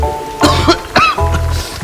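Three short, dry acted coughs in quick succession from an adult, with music playing behind.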